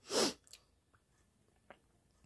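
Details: One sharp, forceful sneeze followed by faint sniffing and small mouth noises in a quiet room, recorded during a sneezing and nose-blowing challenge.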